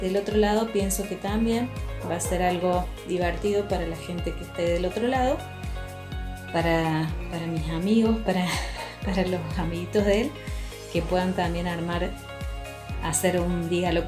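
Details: Adult woman speaking Spanish; Ordinary speech.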